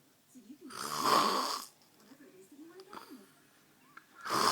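One loud rattling, fluttering breath-in snore between quieter breathing noises, then another snore starting: ordinary snoring during sleep.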